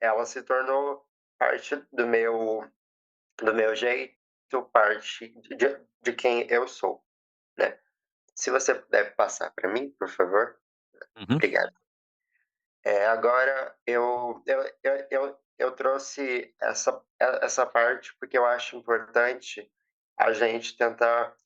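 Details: Stuttering since age 7 in a 20-year-old woman after speech therapy; she says emotions and nervousness intensify it and reports being very nervous.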